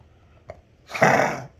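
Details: A faint click, then a single harsh, breathy cough of about half a second from a dog in a small room.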